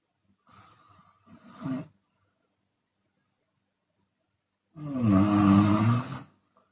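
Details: Chinese woman snoring with her mouth open, sometimes exhaling audibly: a soft breath, then after a few seconds of silence a loud, long, droning snore on the in-breath; open-mouth snoring.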